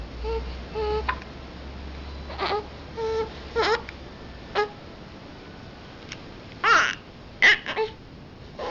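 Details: Infant with brief whimpering cries and short fussy bursts over a low background hum; infant cry.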